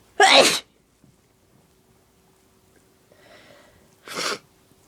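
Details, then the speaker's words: A woman with deliberately induced allergies sneezes twice, forcefully and explosively, with a soft breath in between, as the sneezes grow stronger and messier. "I'm gonna sneeze. Oh, they're so messy. Here comes another one."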